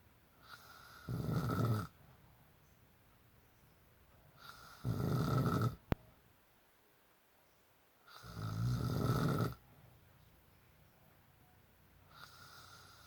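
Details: Dad snoring: three loud, rough rattling snores on inspiration with quiet pauses between, about 15 breaths per minute.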